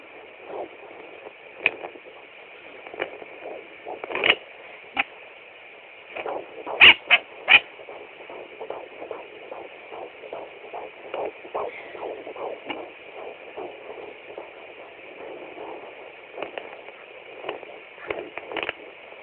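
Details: During a third pregnancy at 14–15 weeks, a Doppler's hiss carries irregular thumps and scratchy swishes as the fetus kicks against the probe.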